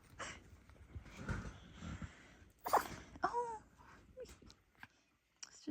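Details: Dog's sneezing attack caused by a dust particle in its nose, later removed: several sharp, explosive nasal bursts with brief pauses between them.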